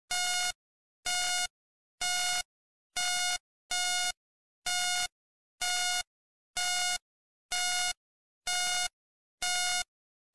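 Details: Hospital ambience sleep-sound recording: steady electronic beeps about once a second, a bedside patient monitor tone.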